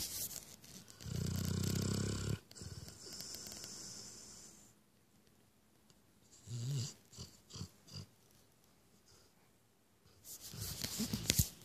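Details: A long, rough snorting snore followed by shorter snuffling breaths and quiet pauses; snoring during sleep, recorded 2015.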